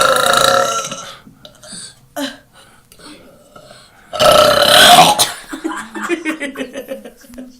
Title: Super burping